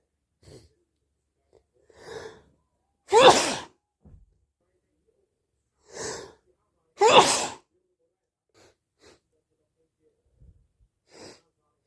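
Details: Deliberately induced hay fever sneezes with nose blow: two strong, wet sneezes, each preceded by a catching breath, faint sniffs between. Sneezing.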